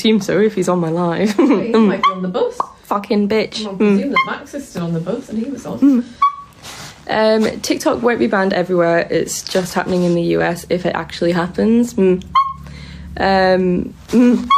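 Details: Woman with Tourette syndrome, during a live stream; includes an out-of-context expletive that may be a vocal tic; Tourette syndrome (vocal tics).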